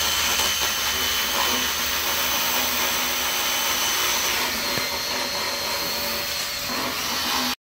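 Steady grinding, whirring power-tool noise with rasping scrapes, the sound of a motorized float filing a horse's teeth.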